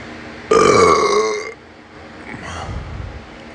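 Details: Burping: one long, loud, voiced belch lasting about a second, followed by quiet room noise.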